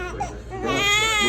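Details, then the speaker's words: 10-day-old baby boy during a chiropractic adjustment: a brief high-pitched cry rising in strength, fussy as a restricted spot is found; an ordinary fussy cry. "sometimes they get a little fussy like when we find that spot like this when we find it on you guys it's same thing they have no idea what pain is or what discomfort is"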